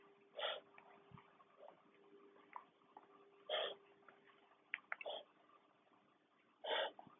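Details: Dog having a reverse sneezing episode, which occurs about once every six months: short, harsh snorting inhalations that sound like choking but are benign in most cases.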